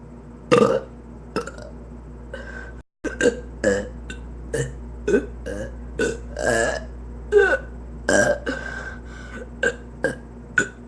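About fifteen short, croaky burps in quick succession over ten seconds, against steady low room hum.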